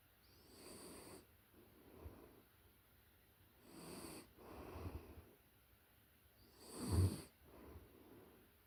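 Soft, low snores recurring about every three seconds in quiet surroundings; ordinary snoring of a puppy in deep sleep.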